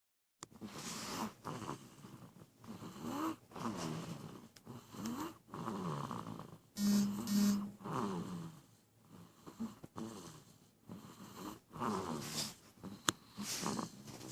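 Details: Sleeping baby: repeated rough, rattling breaths; snoring.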